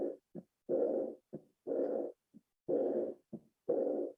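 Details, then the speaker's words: Aortic regurgitation heard at the aortic focus: heart at about 60 beats a minute, each short beat followed by a long blowing regurgitant diastolic murmur. "Si es insuficiencia, van a tener soplo regurgitante o escape o soplo diastólico en el foco aórtico. Y acá tienen el soplo."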